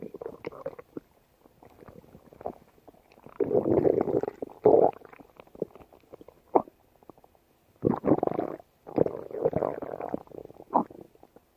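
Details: Stomach growling late at night: several bursts of gurgling, rumbling noise separated by quiet gaps; ordinary borborygmi.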